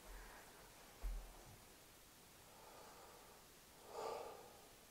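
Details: Normal vesicular breath sounds, soft low rustling, heard with the stethoscope at the mid-axillary sixth intercostal space over the lower lobes as the patient turns to the side; brief stethoscope bump.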